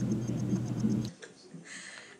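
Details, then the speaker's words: Fetal heart tones on a Doppler monitor during labor induction, about 20 minutes of monitoring before pitocin: brief rhythmic whooshing thumps from the monitor speaker in a quiet room. "they're monitoring the baby for like 20 minutes, I guess, to make sure that she's good. You can hear her heartbeat over there."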